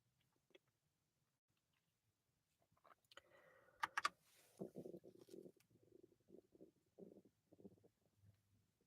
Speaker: my stomach just burbling, if you can hear that. I know this microphone will pick it up.